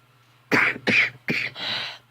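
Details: Repeated cough in a person with scleroderma whose lungs hold stiff fibrous tissue from collagen overproduction: three harsh coughs in a row ending in a drawn-out breathy exhale, with a low hum behind.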